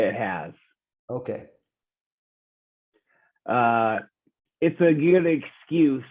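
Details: Real 45-year-old man with rare (under one in a million) primary progressive apraxia of speech; knows the words but they don't come out clearly; speech declining since a previous interview months earlier; apraxia of speech.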